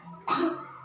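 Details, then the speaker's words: Role-played chest physiotherapy for a child with pneumonia: after breathing in through the nose and holding for a count of three, a single short deliberate cough to bring up sputum; coached voluntary cough. "Tarik nafas, tahan dulu. 1, 2, 3, bantukan."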